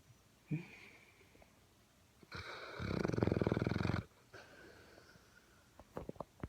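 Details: A sleeping pit bull named Cody gives one loud, rattling, fluttering snore on one breath, flanked by softer nasal breaths and a few clicks; dog snoring.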